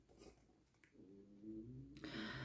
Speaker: Alors là, les ronflements que vous entendez, c'est mon chat.